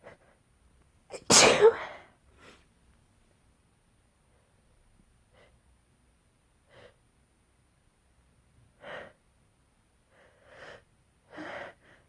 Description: Just me sneezing... / wet and desperate...